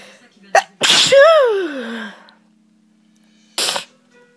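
A quick in-breath, then a loud explosive sneeze trailing into a falling voiced cry, and a second sharp burst after a pause; soft music behind.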